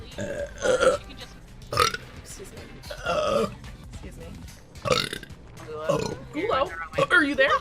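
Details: Female streamer burping on stream: several loud, throaty burps in a row, with brief speech ("excuse me") and background music between them; burping.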